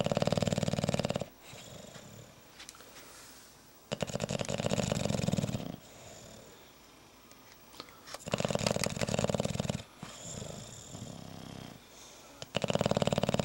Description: These are my snoring bulldogs.